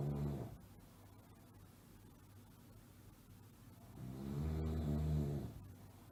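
Two low, rumbling, fluttering snores on breathing in, separated by a quiet stretch: ordinary snoring.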